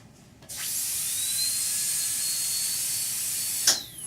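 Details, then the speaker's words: Dental unit air supply during installation of an electric-motor dental handpiece system: a click, then a steady high hissing rush of air for about three seconds through dental tubing fitted with an air pressure gauge while the foot pedal is pressed (target 26–58 psi). "what you'll do is you'll take your dental tubing put on an air pressure gauge like so and by stepping on the foot pedal"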